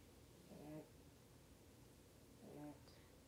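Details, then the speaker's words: Soft, low nasal snores about two seconds apart from Popo-chan, a sleeping small pet, over quiet room noise; snoring. "ポポちゃんのいびきが聞こえます。"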